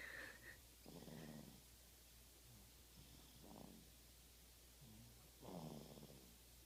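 Soft, low, rattling snores repeat every few seconds against steady background hum, consistent with quiet snoring.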